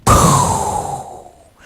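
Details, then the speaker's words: A cardiologist vocally imitates the murmur of acute aortic regurgitation in a chest-pain patient with pain radiating to the back: a single breathy whoosh that starts loud and fades. The sudden leak signals aortic dissection needing emergency surgery. "a leaky valve that suddenly occurred that's the clue or the tell-tale sign of a tear or dissection of the aorta that needs emergency surgery or their life could be gone within an hour"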